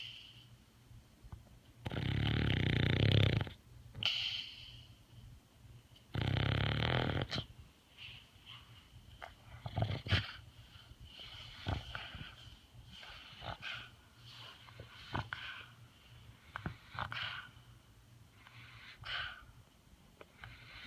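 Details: 12-year-old Gracie sleeping: two loud, low rumbling snores about four seconds apart, then quieter snuffling breaths; snoring.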